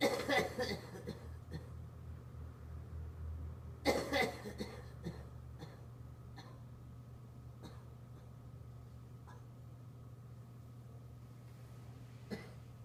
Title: Homeless coughing